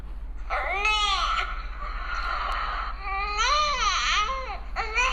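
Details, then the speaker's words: Infant hunger cry: rising and falling wails whose onsets sound like 'neh'/'nah'. "so if you hear a baby crying with a nah sound it could possibly be hunger cry have a listen one more time"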